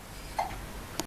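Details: A child hiccups while reading The Very Hungry Caterpillar aloud.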